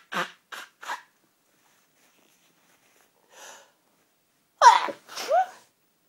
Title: nose blowing & a few sneezes.wmv